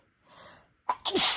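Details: Self-induced sneezing in a person with no allergies, whose nose seemed sensitive after spicy food triggered delayed sneezing fits: a soft indrawn breath, then a sharp, explosive single sneeze with a hissing release.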